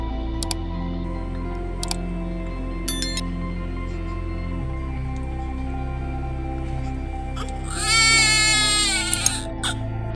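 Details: Newborn baby receiving 10% dextrose water gives a single brief, high-pitched cry over a steady low hum and faint clicks.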